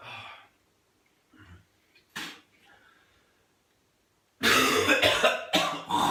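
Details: Adult with whooping cough (pertussis) who has had episodes of being unable to breathe, possibly vocal cord closure or laryngospasm: scattered coughs and throat clears, then a loud, harsh run of forceful coughing bursts.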